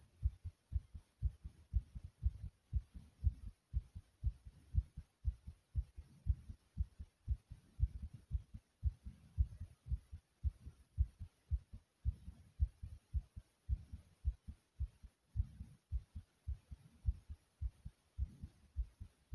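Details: Heart beating fast with heavy breathing after a lot of running in place; fast, steady low heart thumps with faint breathing underneath, a normal quickened heartbeat after vigorous exercise.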